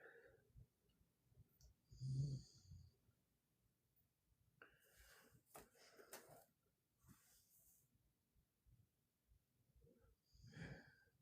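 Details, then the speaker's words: A female dog snoring while asleep on a couch in the background. "I don't know if you guys can hear that, but uh there is a dog snoring on my couch behind me. Uh so that that's what is causing me to chuckle."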